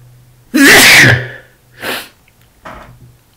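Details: An adult man gives one loud, explosive sneeze followed by two softer breathy sounds; listed as three sneezes and a nose blow.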